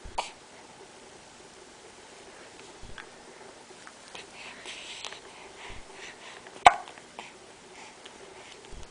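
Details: About five short, sharp hiccups from a male infant over roughly nine seconds in a quiet room, ordinary infant hiccups.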